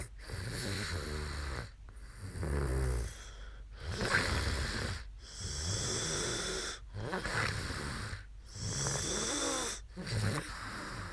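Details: Woman snoring after falling asleep on a live stream: loud, rough snores, about seven over eleven seconds (roughly 38 a minute), separated by brief pauses.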